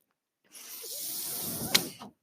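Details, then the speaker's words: Mechanical ventilator breathing cycle of a person who uses a ventilator, heard behind their speech while recording a podcast. "That noise you're hearing is my ventilator."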